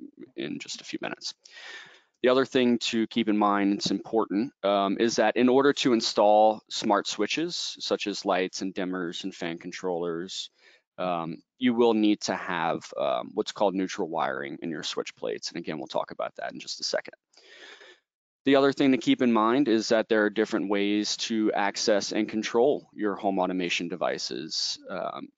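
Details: Adult male speaker; Normal speech.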